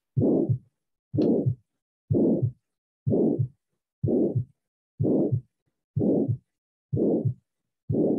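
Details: Systolic ejection murmur from aortic or pulmonary stenosis, heard at the aortic or pulmonary focus: regular heartbeat near 62 a minute with a harsh whooshing murmur filling each systole.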